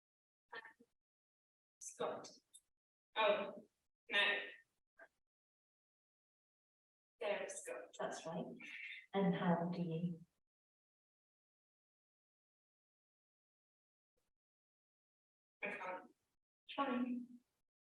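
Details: Expressive aphasia in a woman following a stroke at age 19.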